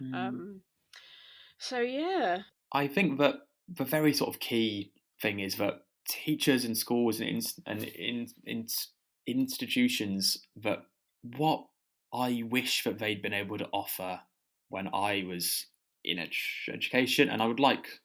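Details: Adult who stammers, stammering.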